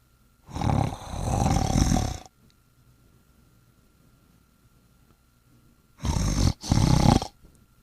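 Two loud, rough, rumbling snores separated by a quiet pause, exaggerated in cartoon style.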